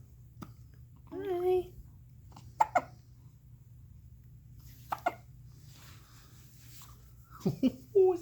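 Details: Hiccups in a 15-day-old newborn: small paired hiccup sounds recurring every few seconds between soft grunts and fussing, with low room hum.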